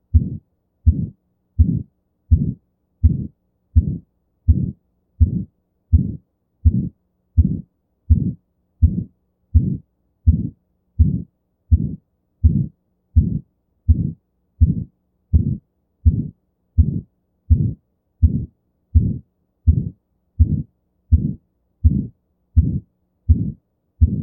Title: How To Diagnose Aortic Stenosis (Murmur Auscultation)